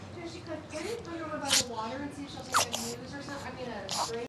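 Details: Chihuahua sneeze attack: quick, high-pitched snorting sneezes from the small dog, with a person talking over them.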